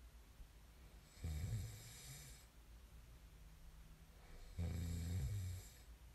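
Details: Snoring ASMR recording: two loud, rattling snores on the in-breath with quiet breathing between them; ordinary snoring during sleep.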